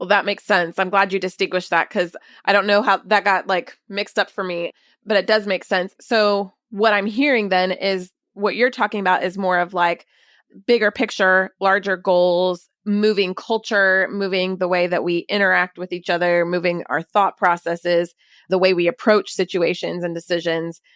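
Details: Adult woman speaking; normal speech.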